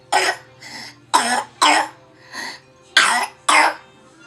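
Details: Young child (Trooper/Tristan) with a bad, painful cough while eating: a run of five sharp, forceful coughs with softer breaths between; cough.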